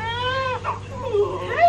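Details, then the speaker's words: Newborn baby girl's first cries just after induced vaginal delivery, as she is lifted up: high, rising then breaking, with faint room hum; a normal vigorous newborn cry. She was healthy, 8 lb 8 oz, 21.5 inches. "oh my gosh okay you want to reach down and grab her go ahead go ahead there you go there she is baby there you go just don't pull her too far [Music] you hear her she's adorable"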